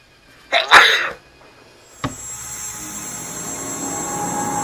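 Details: Sneeze triggered by dust while cleaning a dusty dryer vent: a quick indrawn breath, then one loud explosive sneeze, followed by a clatter and steady machine noise.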